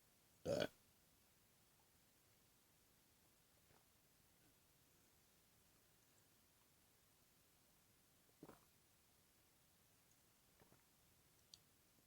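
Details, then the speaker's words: Deliberately performed burps: one loud burp, then a quieter burp with a few faint belch-like sounds in a quiet room; ordinary eructation. "This is a burp video for you. Thanks for the burps you did this morning."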